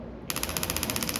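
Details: Extracorporeal shockwave therapy device firing during a treatment procedure: rapid, evenly spaced sharp taps, roughly 15 per second.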